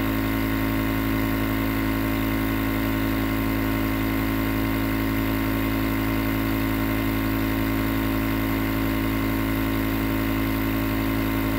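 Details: Continuous nebulizer compressor running, recorded as white noise for sleep: steady, loud motor hum with a rapid pulsing buzz throughout.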